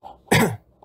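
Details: K-pop singer (TXT) coughing: a single short, sharp cough with a throat-clearing quality.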